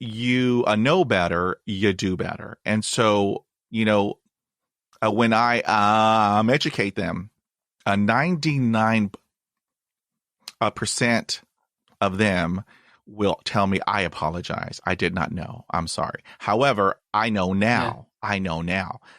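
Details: 27-year-old man from the UK with lifelong stuttering (stammer) featuring blocks, improved as his confidence grew; speech therapy in childhood; stuttering (stammer).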